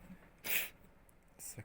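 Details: Pet white mini rabbit (mixed breed), after climbing up high, gives a single short, sharp hissing burst with a fainter second puff; sneeze, owner mentions allergy.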